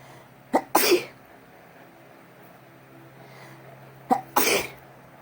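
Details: Wet sneezes, recorded in the Philippines: two sneezes about three seconds apart, each a sharp intake followed by a forceful explosive burst.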